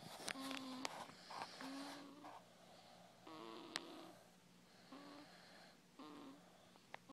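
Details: Short, whistly, tonal snoring sounds repeat with each breath, about five in seven seconds, over faint room noise: snoring.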